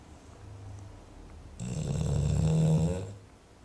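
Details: Gunther, nicknamed G Man, napping: a quiet breath, then one loud, rattling, low-pitched snore lasting about a second and a half; snoring.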